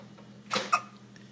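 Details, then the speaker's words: Young girl with hiccups after dinner: two quick, sharp catching sounds close together over a steady background hum. "Oh, those hiccups. You want to kick those feet? Kick your feet. Those darn hiccups."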